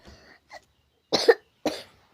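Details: Child coughing, blamed on eating ice and candy snacks: a few short, soft coughs and throat-clearing sounds with brief silence between them.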